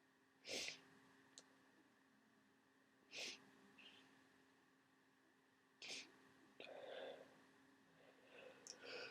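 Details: Three short, sharp sneezes a few seconds apart in a quiet room, with soft breathing between, from a person with a cold who has also started coughing; sneezing.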